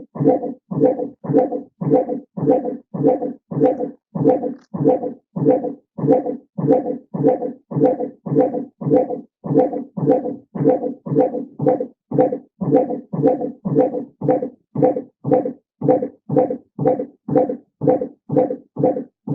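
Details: Intermittent Doppler auscultation in labour, first baby, baseline about 110–120/min, heard just after a contraction stops: rapid, regular whooshing fetal heartbeats with a brief rise in rate, an acceleration.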